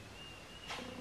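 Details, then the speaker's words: Cat sneeze: a single faint, short puff of air against quiet room noise and a steady hum. "Oh my goodness. My cat is sneezing."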